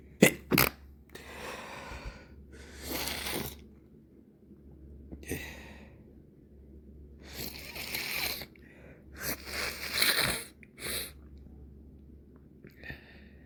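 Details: Evening recording of sharp sneeze bursts and muffled stifled sneezes with breathy inhalations between, in a quiet room; stuffy nose irritated by irritants for several days, red from rubbing; sneezing with stifled sneezes.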